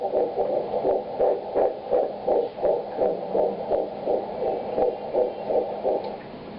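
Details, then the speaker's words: Fetal heartbeat on Doppler ultrasound at week 8 of pregnancy: rapid regular whooshing pulses about 170–176 beats a minute, noted as a lot faster. "It's a lot faster. Oh yeah. 176."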